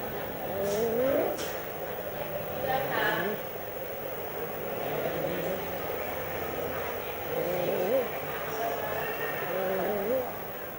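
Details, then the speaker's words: Harsh, high-pitched noise on each in-breath from a child, heard with the ear near the mouth: stridor. "anak ini mempunyai bunyi yang kasar ketika menarik napas anak ini mempunyai stridor"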